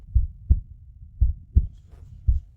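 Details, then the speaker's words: Low, regular whooshing thumps at about 130 a minute: a fetal heartbeat played during a pregnancy scan in a dramatized TV drama scene, not a real patient. "Suara apa ini lagi? Ini detak jantung bayi."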